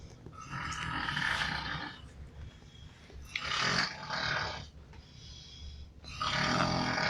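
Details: Coworker snoring while asleep offshore, keeping a man awake: loud, rough, rattling snores, about three in seven seconds, over a low room hum; heavy snoring.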